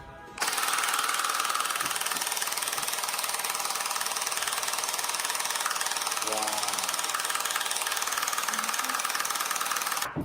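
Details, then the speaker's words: Loud, rapid, regular mechanical tapping pulses, about three a second, from an at-home handheld low-intensity shockwave therapy device applied to the penis for erectile dysfunction. "So I have no pain on my penis right now, but I can't feel anything. All you guys can do is just hear how loud it is."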